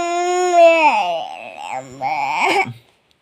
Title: Baby crying 😭😭, #bachpankahan #cutebaby #funny